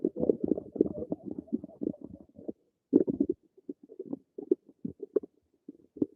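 Bubbling, gurgling rumbles in quick irregular runs with short pauses: ordinary stomach rumbling from gas and fluid moving through the gut.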